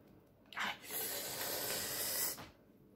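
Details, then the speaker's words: Home plasma pen (electrocautery plasma jet) applied to anesthetized facial skin: steady hissing, sizzling burst of about two seconds in a quiet room; plasma pen firing. "Dá pra ver a luzinha dele queimando? Ui."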